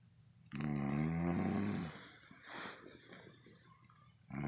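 One long, low, rattling snore on the in-breath, followed by a softer breath out.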